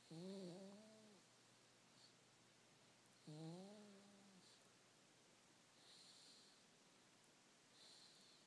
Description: Baby bean sleeping with a lil snore